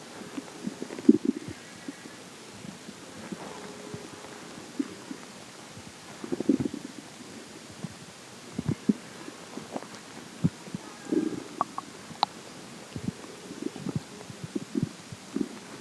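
Irregular gurgles, squeaks and rumbles from the belly over quiet background; ordinary stomach growling.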